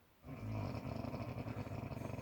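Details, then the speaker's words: A sleeping baby snoring: low, rough, rattling breathing with a fluttering quality throughout; filmed because the snoring was loud. "Darling? Darling? You're snoring. No, I didn't mean to. Fucking well loud, and I filmed it."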